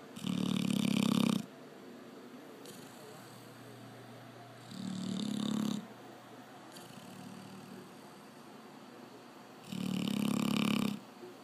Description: Snoring Labrador .